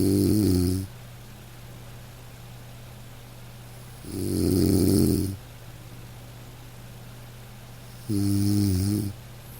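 Gentle low snores from a sleeping dog, about 15 a minute, over steady soft rain; harmless sleep snoring.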